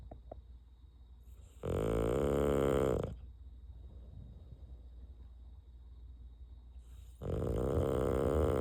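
Loud, vibrating snores from a dog, each lasting over a second, separated by long quiet breaths. Typical noisy flat-faced breed snoring.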